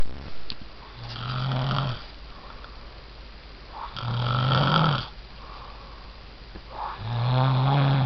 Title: My Fiance Snoring